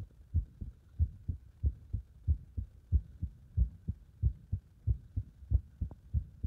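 Regular, strong low heartbeats at about 92 a minute, recorded after exercise; a normal heart rhythm under exertion.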